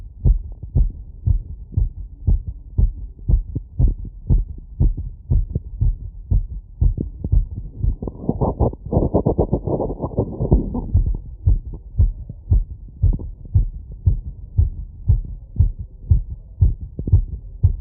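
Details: Wireless stethoscope, diaphragm and bell in all frequency modes over the pulmonic, aortic, mitral, tricuspid and Erb's point areas, standing slightly tilted after a 3 km run: fast, regular heartbeat at 150 bpm with crisp normal heart sounds; exercise-induced sinus tachycardia.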